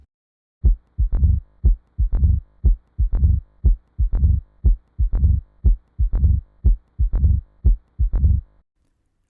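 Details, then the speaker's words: Teaching recording of mitral stenosis: regular heartbeat at about 60 per minute with an opening snap and a low-rumbling, decrescendo mid-diastolic murmur. "described as a mid-diastolic murmur it has an opening snap and a decrescendo sound wave meaning it starts loud and then becomes quieter"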